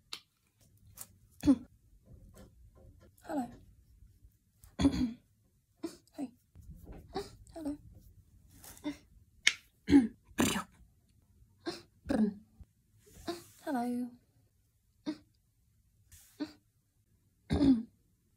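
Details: Vocal tics from a person with Tourette syndrome while painting, with coughing, throat clearing and snapping sounds.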